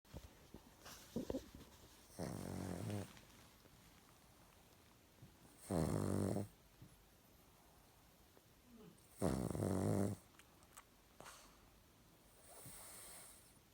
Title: Snoring pug